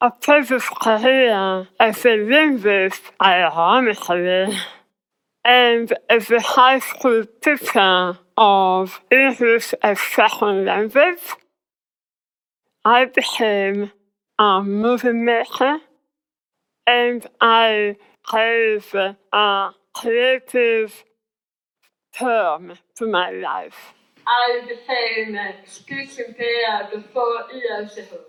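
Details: Articulation impairment in a woman after glossectomy for squamous cell tongue cancer, with the tongue reconstructed from abdominal muscle. Her speech became hard to understand afterwards.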